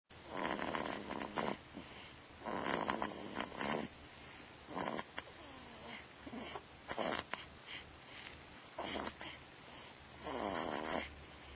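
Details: About one month old, snoring like an old man: repeated soft, buzzing, purring-like snore on each breath with quieter gaps between.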